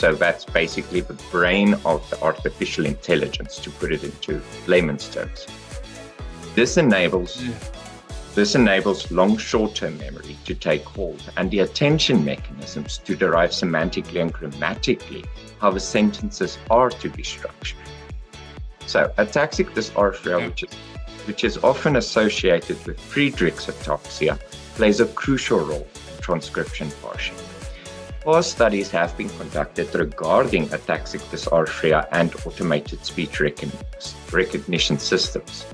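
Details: Adult male speaker; ordinary speech.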